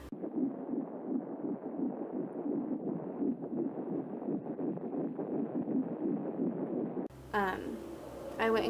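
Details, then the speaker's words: Recorded fetal heartbeat on Doppler ultrasound from a pregnancy later lost to miscarriage: rapid rhythmic whooshing pulses, ending with a brief switch to voices. "I did hear the heartbeat and I even have it recorded so it's on my computer I'll try to insert it in this video"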